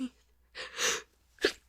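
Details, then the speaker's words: Acted, simulated sneeze by a female performer in a hiding-in-closet roleplay, failing to stifle it: sharp breath in, loud hissing burst, short trailing sound. "Uh-oh, did they hear that? I know it was loud. I can try to stifle it again, but it tickles so much."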